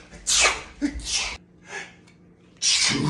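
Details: Comedy sketch of types of sneezers: several sharp, breathy sneeze bursts, some with a voiced lead-in, separated by short pauses; acted sneezing.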